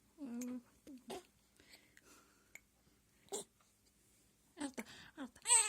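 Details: Hiccups from a 20-day-old baby, heard quietly.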